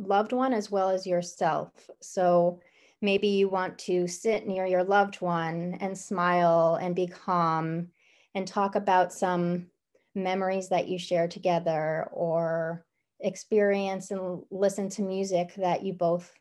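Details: Adult woman speaking; normal fluent speech.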